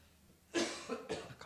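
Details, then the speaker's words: An adult pastor, noting strain on his voice during a sermon, gives two quick, dry coughs in a small quiet room. "기침이 나오네."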